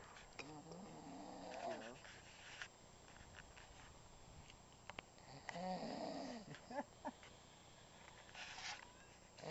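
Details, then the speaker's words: A person sleeping outdoors by a campfire at night gives two loud, droning, tonal snores about four seconds apart, sounding like choking but only snoring; snoring. "ustedes pensaban que se está ahogando se está muriendo no eso es un ronquido nada más"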